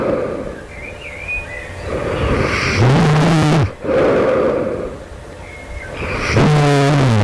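Two loud, rough, roaring snores with a deep buzzing tone, separated by quieter breathing. Heavy snoring; the snorer wonders about sleep apnea.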